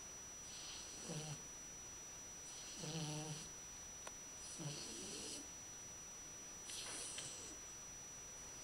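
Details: Labrador puppy snoring: four soft, brief, low snorts with a wheezy whistle, about one every two seconds.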